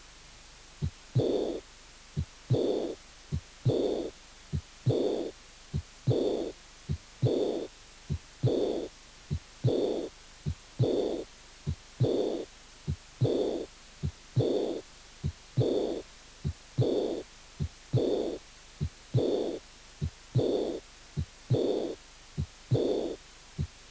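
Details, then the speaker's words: Aortic regurgitation: slow regular heartbeat with a soft, blowing early diastolic murmur of musical character right after the second sound. "insuficiencia aórtica soplo diastólica precoz de carácter musical"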